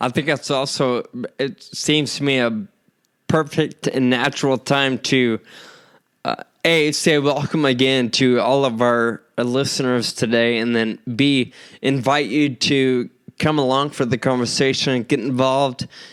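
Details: Real male patient with Friedreich's ataxia diagnosed at age 25, causing slurred speech that sounds drunk although he is not; ataxic dysarthria.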